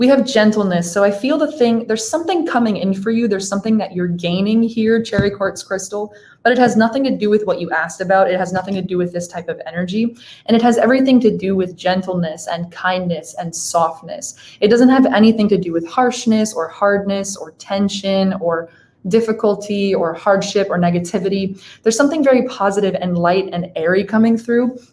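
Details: Adult woman speaking; normal speech.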